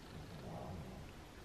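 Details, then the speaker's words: Dog snoring while asleep: quiet, low rumbling snore, faint against room noise. "my dog snoring"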